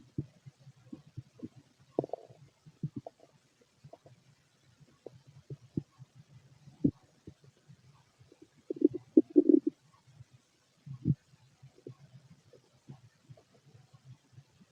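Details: Fit adult male's empty stomach: quiet, intermittent gurgles and clicks with a louder burst midway, little bowel activity.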